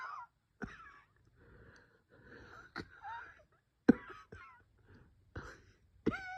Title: bronchospasm coughing chest wheezing